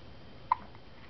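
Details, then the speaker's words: Baby with hiccups: a single short, abrupt hiccup sound against steady room noise; a normal infant hiccup. "Somebody having the hiccups. What you doing? What you doing with them hiccups?"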